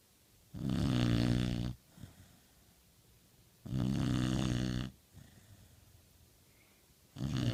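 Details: Pit bull dog snoring: loud, low, rattling snores on each inward breath, about 18 a minute, with quiet pauses between.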